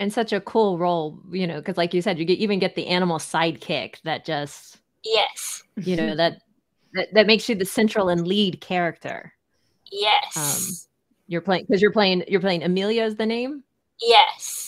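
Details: Adults in conversation; conversational speech.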